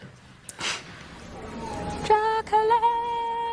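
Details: Woman with Tourette syndrome producing involuntary vocal tics.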